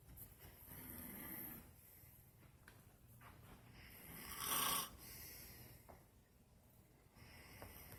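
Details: Snoring during sleep from someone who has been very sick: repeated rough, rattling breathing noises with one loud snort in the middle.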